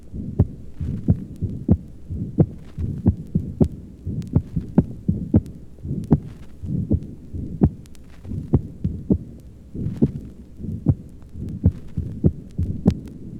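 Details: Steady heartbeat near 85 a minute with a sharp, loud snap each cycle over low rumble; accentuated second heart sound (pulmonary hypertension).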